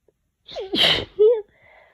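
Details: A person sick with a cold: a single forceful, wet sneeze with a voiced lead-in and a short vocal sound after.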